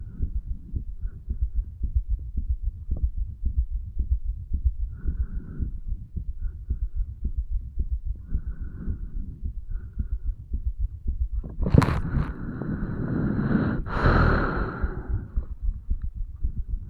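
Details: A 35-year-old male records his own heartbeat at the tricuspid valve area, lower than usual, under the effects of medical marijuana and nicotine. Low, regular thumping at about 110 beats a minute with brief rubbing noise: heart sounds.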